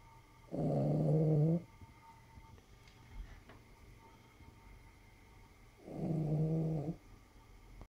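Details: Sleeping Cavalier King Charles puppy: two loud, low rumbling snores about five seconds apart with quiet pauses between; snoring.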